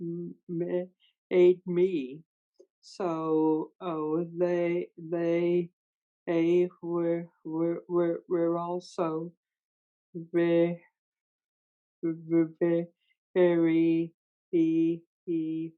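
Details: Adult person who stutters, speaking in a stuttering association webinar; stuttering.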